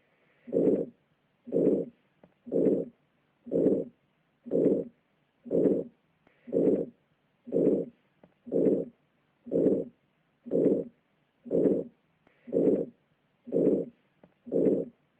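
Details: Aortic stenosis: a harsh crescendo-decrescendo late systolic ejection murmur that overlaps the end of S1 and the start of S2, with a regular heartbeat at about 60 a minute. This murmur can be auscultated over both carotid arteries.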